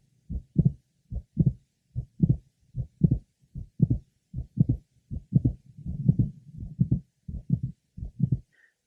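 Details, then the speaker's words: Mitral valve prolapse heard at the apex: regular heartbeat at about 75 a minute with a single sharp systolic click late in systole, just before the second heart sound. "our next patient has a single systolic click that occurs in late syy just before the second sound Apex"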